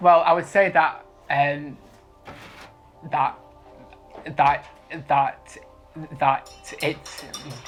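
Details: 23-year-old man who has stammered since he learned to talk, with blocks especially on p, b and t sounds; stammering.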